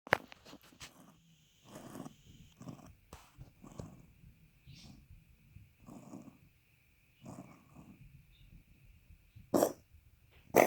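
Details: A dog with congestion gives a run of short, wet-sounding coughs and snorts, a congested cough.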